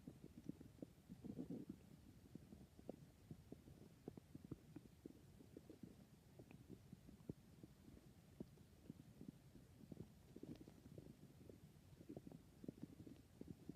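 Irregular low gurgling and bubbling rumbles from the belly throughout; ordinary bowel sounds, stomach growling.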